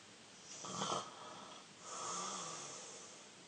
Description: My younger brother snores loud!! Saturday 21 December 2019!